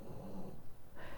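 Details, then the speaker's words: A low, rumbling breath noise from a sleeping dog; snoring. "Can you hear my dog snoring? She's here, this weather is really affecting her. She's sleeping all the time."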